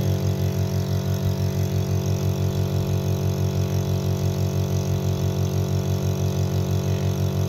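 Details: Imported Taiwan-made nebulizer compressor running: steady low motor hum with rapid regular pulsing, about two a second.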